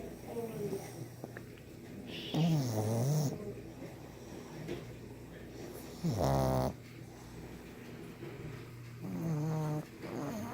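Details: Loud, snorting, rattling snores about every three to four seconds, with quieter breathing between, from a sleeping 1.5-year-old brindle pug; flat-faced dog snoring.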